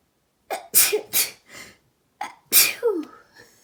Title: Short sneeze compilation